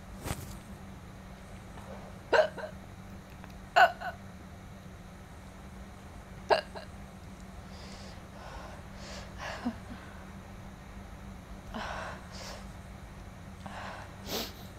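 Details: A girl eating spicy, chili-hot food gets hiccups: sharp, abrupt hiccups, about five in fifteen seconds, in a quiet room.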